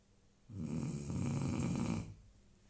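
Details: A dog snoring: a single low, rumbling snore lasting about one and a half seconds, with quiet room noise around it.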